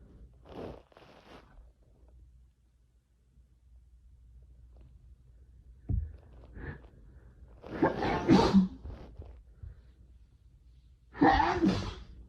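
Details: Allergy sufferer woken from sleep by fall allergies, sneezing nonstop; quiet sniffing and breaths, then two loud bursts of sneezing a few seconds apart: allergic sneezing.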